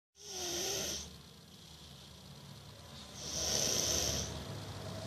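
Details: 2-year-old boy, a noisy sleeper (parent unsure if sinus-related): two drawn-out, hissing, rattly breaths with a faint low rumble; snore-like breathing during sleep.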